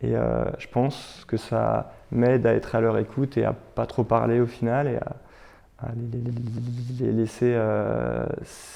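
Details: Stuttering in a French-speaking adult who stutters.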